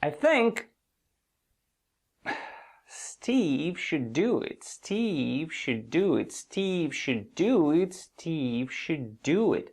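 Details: Stuttering block deliberately demonstrated by an adult male speaker, then released with air going out without inhaling; he describes the diaphragm as locked during the block.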